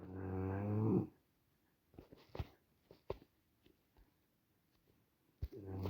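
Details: A dog snoring in the background with drawn-out, buzzing, throaty breaths, pausing before each next snore.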